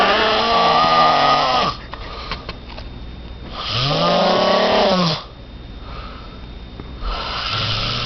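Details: Sleeping subject, described as holding Valentine's gifts, snoring loudly: rattling snores on each in-breath with quieter out-breaths between. Snoring.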